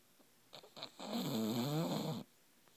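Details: Snoring bulldog: snoring sounds.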